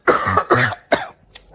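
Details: Three short, harsh coughs from an adult man, acted for comedy, as if heard over the phone.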